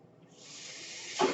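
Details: Airflow of a man's own mechanical ventilator delivering a breath while he records a spoken podcast: mechanical ventilator breath cycle.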